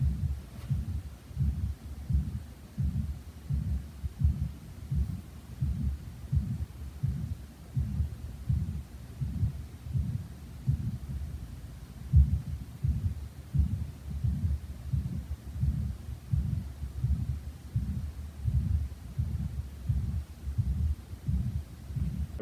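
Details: Severe mitral valve prolapse regurgitation murmur recorded pre-surgery by the patient with a smartphone stethoscope app over a speaker; muffled heartbeat near 86/min with a felt palpitation and brief skipped beat.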